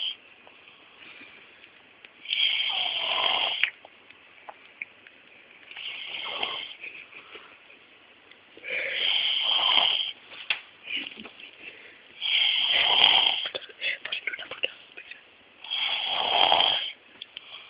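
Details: Person sleeping calmly and moving his lips while snoring: loud, raspy snores about every three to four seconds, roughly 18 per minute, with quiet pauses between; snoring.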